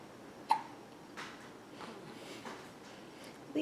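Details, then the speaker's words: Infant girl's hiccups after bottle feeding, which don't upset her: faint, sharp little catches repeating about every second against quiet room noise. "she's started getting the hiccups pretty much every time she takes a bottle now usually kind of end the feeding session"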